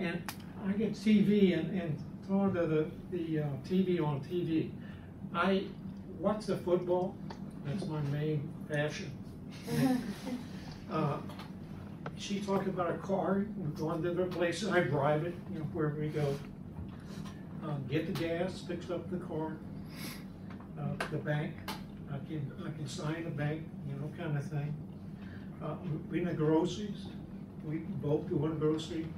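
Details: Adult man speaking years after a left-hemisphere stroke, in the chronic stage and improving with therapy; chronic nonfluent aphasia with apraxia of speech.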